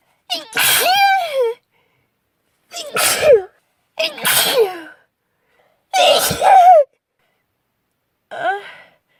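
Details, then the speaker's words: Girl's sneezing fit from a persistent nasal tickle: five sneezes in a row, each with a voiced in-breath and a sharp burst out. "I'm going try to sneeze the tickle. It can't go away."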